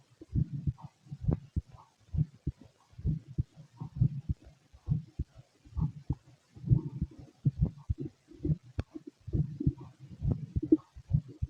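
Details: Stethoscope recording of a fit adult male: steady paired lub-dub beats, about 67 a minute, with faint chest noise: normal regular heart sounds.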